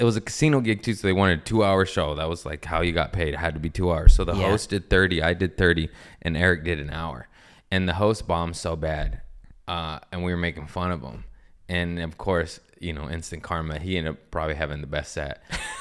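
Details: Adult man speaking; normal speech.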